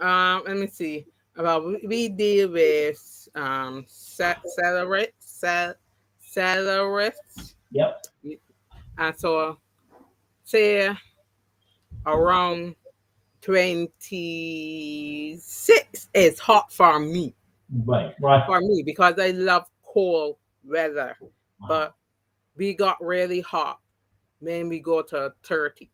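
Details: Adult woman after three strokes (2017, 2018, 2019), the first haemorrhagic, causing loss of speech and right-sided paralysis; speech regained, some words never returned; mild post-stroke aphasia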